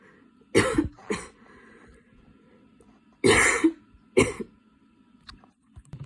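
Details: Person studying for an exam has a worsening cough attack, changing positions (standing, kneeling, sitting with hands on knees) to relieve the chest: repeated harsh coughs in short bursts of one or two with brief pauses; coughing fit.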